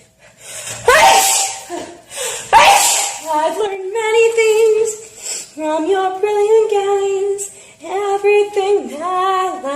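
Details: Girl sneezing while singing, looped edit: two forceful sneezes in quick succession, then she carries on singing; a sneezing fit.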